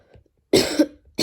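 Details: A single sharp cough with a brief rough tail, then the start of another, while the person is studying; they describe the cough as getting annoying.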